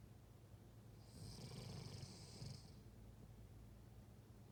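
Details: German shepherd–husky dog snoring in deep sleep: one quiet, breathy snore on an in-breath, a low rumble with a soft hiss, against faint room noise.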